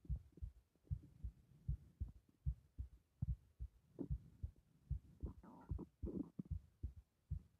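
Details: Regular low thumping pulse about 75 per minute with faint hum between beats, over the carotid artery in the neck; strong carotid pulse.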